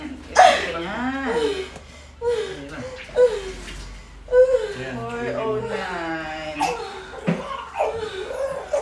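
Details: High-pitched, rising and falling crying bursts from a newborn just after a normal vaginal delivery, umbilical cord still attached, with adult voices and laughter nearby; a normal vigorous newborn cry.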